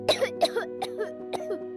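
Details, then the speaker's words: Four short, dry, acted coughs from a young boy after cold wind, over steady background music: cough. "ठंडी हवा चली नहीं और छोटे साहब की खांसी शुरू।"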